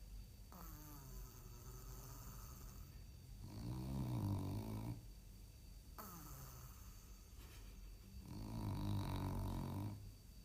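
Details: French Bulldog in deep sleep in his bed: two deep, rumbling snores about five seconds apart, each after a quieter inhalation; ordinary dog snoring.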